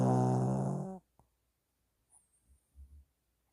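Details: Heavy snoring in a sleeping dog: a loud, droning snore, then quiet snuffling breaths.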